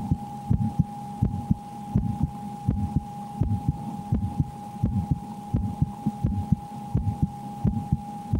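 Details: Steady lub-dub heartbeat at roughly 85 beats per minute over a faint hum, heard through a stethoscope while the person plays the Slender horror game and reports extreme fear; normal heart sounds.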